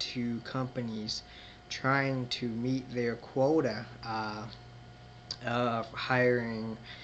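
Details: Adult man who identifies himself as a person who stutters; stuttering.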